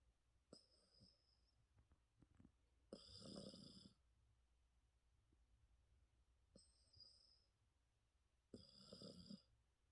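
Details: Snoring in a sleeping Yorkshire Terrier: two loud rasping inspiratory snores about 6 seconds apart, each with a whistling nasal edge, over quiet room noise.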